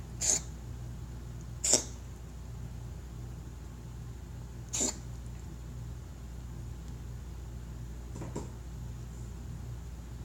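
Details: Cat coughing: three sharp, brief coughs, then a fainter fourth, over a low room hum.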